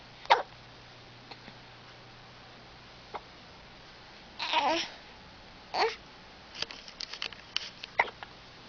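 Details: Smiling infant with hiccups: short, sharp catching sounds at irregular intervals, with soft vocal noises between them, in a quiet room.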